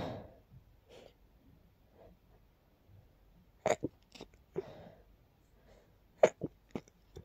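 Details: Several soft, sharp sneezes in a quick run after quieter breathy sounds in a quiet room, a sneezing fit triggered by heavy dust while cleaning a long-neglected part of a room.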